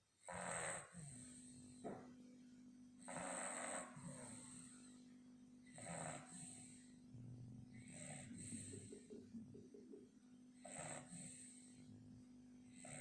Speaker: Buster, Buster, Buster. Snoring, you're snoring.